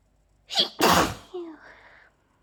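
A sharp in-breath followed by one explosive sneeze and a brief trailing voice; allergic sneezing.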